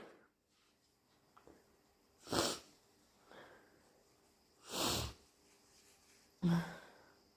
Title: Super strong, loud and wet sneezes! Allergies?